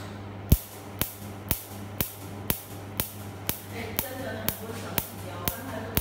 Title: Yag laser tattoo removal